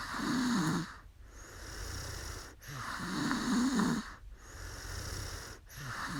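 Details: Woman who fell asleep during a livestream, snoring: rhythmic, rough, rumbling snores about every 1.6 seconds over a steady background hiss.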